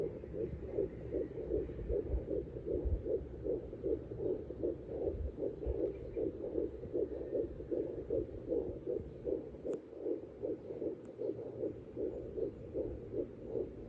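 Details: Fetal Doppler at 12 weeks of pregnancy with rapid, regular whooshing pulses, roughly 150 beats a minute (a reading of 124 is also mentioned); fetal heartbeat on Doppler.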